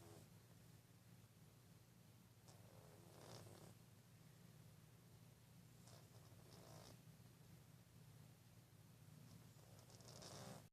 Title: CUTE CAT SNORES LIKE A HUMAN!